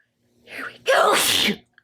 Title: Loud wet sneezes 2